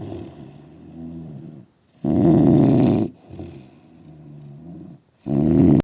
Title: Indian man snoring!! help me!!🙏